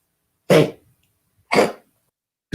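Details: Honking cough in a dog.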